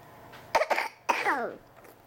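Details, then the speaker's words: Young child coughing indoors while alone with his dad, who complains about being coughed on: two quick sharp coughs, then a longer voiced cough that trails off. "I don't want you to cough on me buddy what are you coughing on me"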